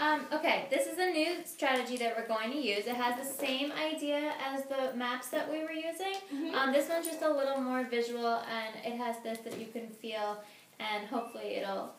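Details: Adult woman speaking; Normal fluent speech.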